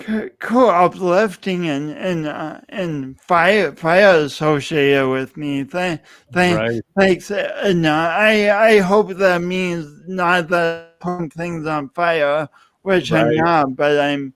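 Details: Adult male speaker; speech impediment (disfluent speech).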